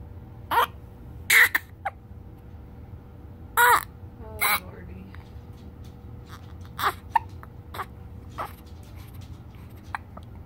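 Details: 9-day-old baby with hiccups and crying: several short, abrupt bursts with brief voiced catches between, over a steady hum.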